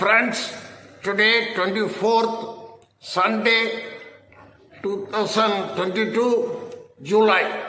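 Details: Adult man speaking; normal voice.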